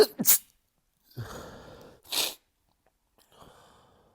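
A burst of repeated forceful sneezes with sharp intakes of breath between them; an allergic sneezing fit.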